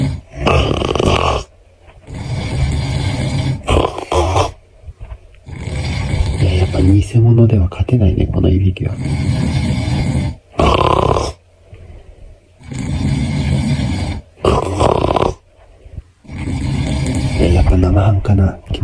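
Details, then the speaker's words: Loud, rough, low-pitched snores in repeated bursts of one to two seconds each: the snoring of a "monster" living in the speaker's home, which he tries and fails to out-snore. "僕の家に住んでるねあの魔物のいびきがとてもうるさいので僕もねいびきで対抗してみたいと思います"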